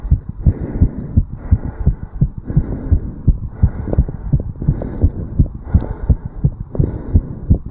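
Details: 35-year-old male, own heartbeat recorded at the tricuspid valve area after jogging uphill: fast, regular heart thumps through a stethoscope with a low hum behind them, a rapid heartbeat after exercise, normal.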